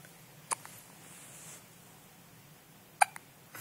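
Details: Sleeping newborn baby with hiccups: two brief, sharp hiccup clicks about two and a half seconds apart in a quiet room; ordinary newborn hiccups.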